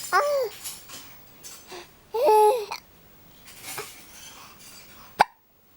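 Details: Six-month-old baby making short, squeaky voiced bursts and one sharp catch near the end, with soft babbling in between: infant hiccups.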